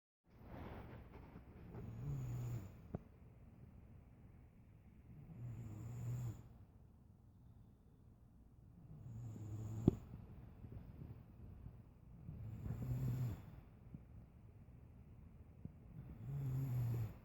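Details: Loud snoring from two people asleep: slow, deep rumbling snores recurring about every three to four seconds, roughly 17 a minute.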